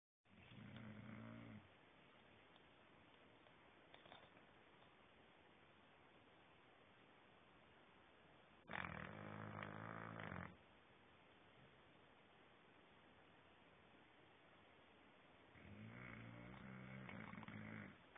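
Three loud, rattling snores about seven seconds apart from a sleeping bulldog, with quiet gaps between them. Typical snoring of a flat-faced breed.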